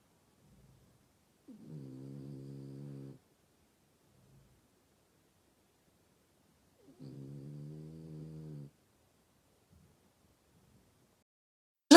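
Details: French bulldog, described as snoring very loudly: two drawn-out, low, tonal snores about five seconds apart in a quiet room; dog snoring.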